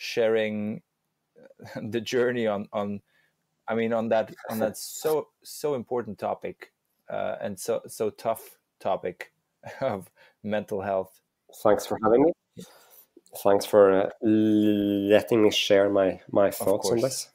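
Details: Adult male with real stuttering that he says is audible when he speaks; stuttering.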